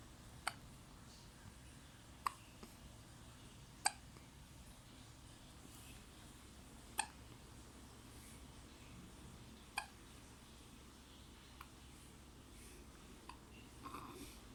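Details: Baby hiccups.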